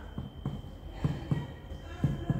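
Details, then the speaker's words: Abdominal percussion for shifting dullness to test for fluid (ascites): about five soft, hollow finger taps moving from the umbilicus laterally to the right, where tympany gives way to dullness; quiet room. "Timpani, timpani, timpani sampai terjadi perubahan bunyi. Timpani berubah menjadi redup."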